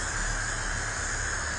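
A steady low electrical hum with a constant buzzy hiss on top, a simulated tinnitus sound.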